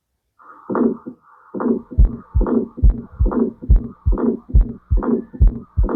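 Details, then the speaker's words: Innocent (benign) ejection systolic murmur: regular heartbeat near 70 a minute with a soft blowing murmur after each first sound, heard as a triple heart sound. "Okay, that is innocent murmur. Okay, benign murmur."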